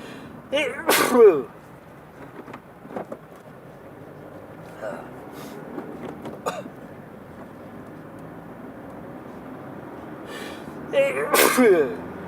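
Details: Person sneezing while driving: two loud explosive sneezes, near the start and near the end, with short vocal sounds between them over steady car noise; sneezing fit.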